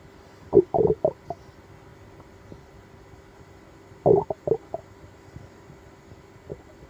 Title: Stomach ache after eating seafood (stomach growling)